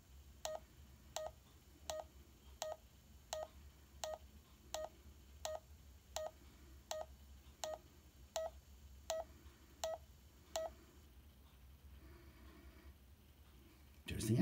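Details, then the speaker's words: Check Me Pro pulse oximeter sensor on finger during recording; result heart rate 91, oxygen level 99; pulse oximeter pulse tones. "there you go it's telling me you have 91 heart rate and 99 oxygen"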